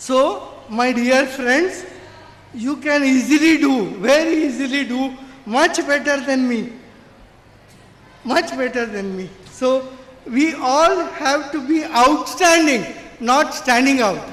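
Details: Adult man with severe cerebral palsy since birth, considered 100% disabled, who could not walk or talk as a child; dysarthria from cerebral palsy.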